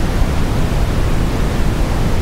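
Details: Simulated tinnitus, brown noise: a steady low, deep rushing noise with no breaks, one of ten tones of different waveform and frequency emulating the most common tinnitus sounds.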